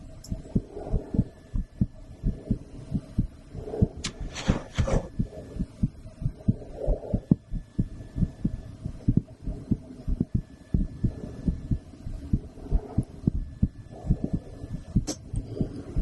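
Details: Woman's heartbeat recorded through a stethoscope after a blood draw: repeated soft low thumps with rubbing and handling noise, roughly 90 a minute; ordinary heart sounds.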